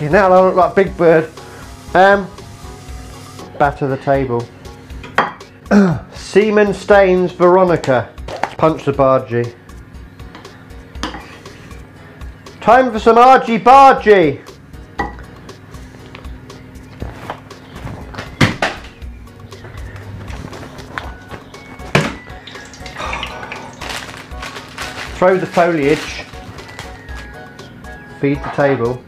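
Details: Adult speaker while cooking; Complex vocal tics (Tourette syndrome).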